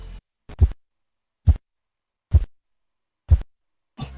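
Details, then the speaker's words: Blood pressure measurement, Korotkoff phase IV: regular low tapping beats near 70 a minute, muffled and fading in strength; this phase marks diastolic pressure in children and pregnant women. "En el cuarto ruido es el mismo que en el tercer ruido, solo que comienza a descender la fuerza, o sea, que el ruido es menos fuerte. Este ruido que se va desvaneciendo nos indica la presión arterial diastólica en niños y mujeres embarazadas."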